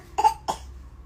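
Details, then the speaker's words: Two quick, light voiced coughs imitated in play by a young child, not from illness, during a parent-child exchange about eating chocolate causing cough. "batuk nanti mama. Kalau ayah ndak batuk ya?"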